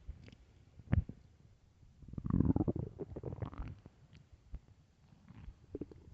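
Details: Early-morning stomach growls recorded for headphone listening: low rumbling gurgles with a longer growl in the middle and scattered small pops; ordinary borborygmi.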